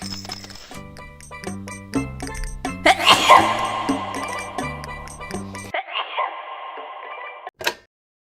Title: had to make an epic sneeze